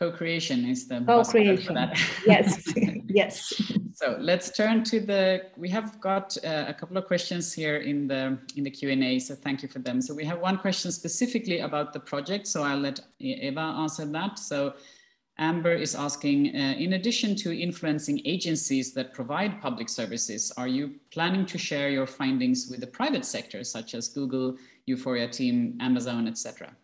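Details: Adult woman; normal speech.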